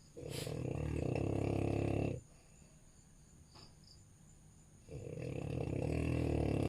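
Loud, low, rattling snores on the breath in, with a quiet pause between, about two breaths. Snoring in a flat-faced dog.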